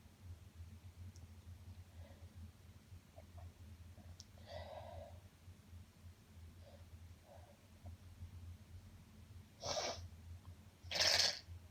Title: Sniffles after Sneezing